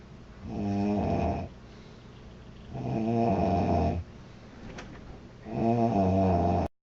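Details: Loud, buzzing snores with each breath, three in under seven seconds, in a quiet small room; a girl snoring.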